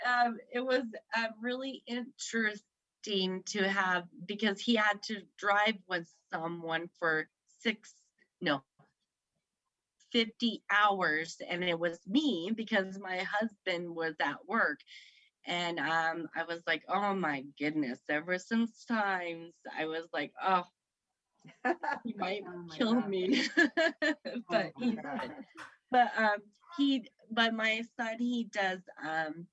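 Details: Woman aged 38 at a stroke in September 2018, speaking about 3 years later; the stroke affected her right side and left her with aphasia; aphasia.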